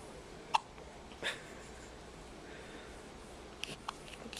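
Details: Baby girl's first case of hiccups: a few soft, abrupt hiccups spaced irregularly over quiet room hum; hiccups.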